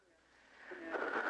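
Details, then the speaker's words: Acted reenactment of a young boy after an asthma attack with no breathing or heartbeat, resuming breathing: a single faint, rising, shallow gasp with a slight whistling edge. "And then he started to take little breaths like that. And that was our first sign that he is still here."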